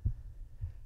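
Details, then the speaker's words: Simulated pulsatile autophony from superior semicircular canal dehiscence, heartbeat heard in the right ear while sitting at rest in a quiet room: two deep, muffled thumps about half a second apart. "the first thing you might notice is the sound of my heartbeat in my right ear"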